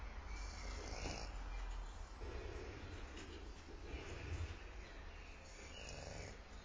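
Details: Sleeping French Bulldog: low, rumbling, noisy snoring breaths, soft and continuous, with some background hiss.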